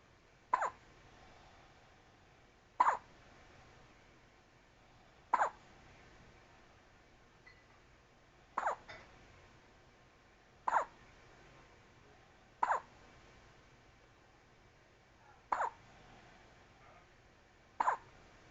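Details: Newborn baby with hiccups: brief, sharp catches repeating about every two and a half seconds, eight in all, in a quiet room.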